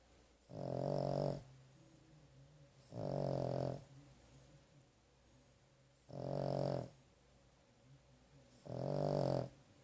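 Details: Sleeping after a rough day and a trip to the vet: four loud, rumbling snores about every 2.8 seconds, near 21 a minute, separated by quiet exhalations; steady, regular snoring.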